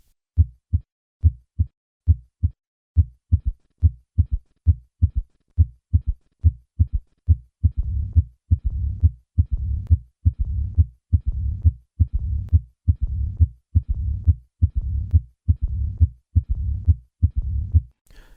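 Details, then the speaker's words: Austin Flint murmur in aortic regurgitation: normal heart sounds at about 69/min, then an added third heart sound, then a low rumbling diastolic murmur like mitral stenosis, with a normal or diminished first heart sound. "although similar to mitro stenosis this murmur is introduced by a third heart sound and the first heart sound may be normal or even diminished"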